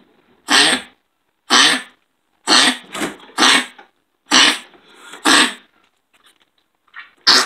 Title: Kennel cough